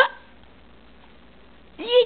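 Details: 4-month-old baby boy with hiccups, seemingly amused by them: two brief abrupt voiced gulps, one at start and one at end, separated by quiet; hiccups.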